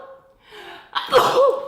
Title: Sneezing comp. 6 youtubegirls